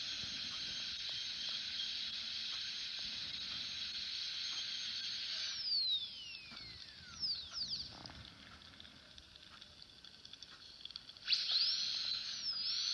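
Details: Dental drill sound effect: a steady high-pitched whine that dips in pitch as the drill slows, then spins up again.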